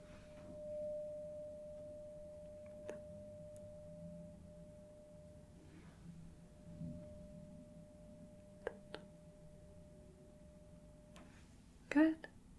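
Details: A soft, steady pure tone rings for several seconds with faint taps: a tuning fork placed on the mastoid behind the ear, then in front, in a simulated Rinne hearing test during ASMR medical role-play.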